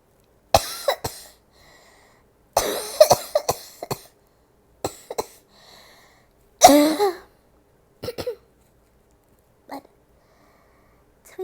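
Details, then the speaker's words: An adult woman with a cold coughs openly, letting the cough out rather than suppressing it: several unsuppressed coughs in short bursts, some doubled, with quiet pauses between. "so you see unlike my girlfriend COV cough which she keeps it suppressed like this not my style I mean I told her to let it all out like"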